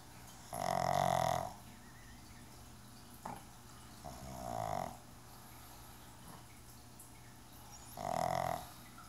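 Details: Three loud, rough snores, each about a second long and a few seconds apart, from a pug asleep with his head resting on a table's edge.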